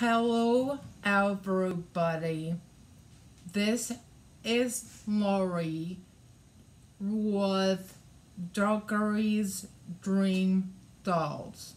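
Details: Adult woman with aphasia after a hemorrhagic stroke in May 2020 that also caused right-sided hemiparesis and required brain surgery and an ICU stay; aphasia also affects her reading and writing; aphasia.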